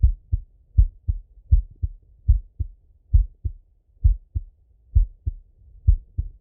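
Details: Male heart auscultated with a stethoscope: steady paired low thumps about 66 a minute, no extra sounds; normal heart sounds.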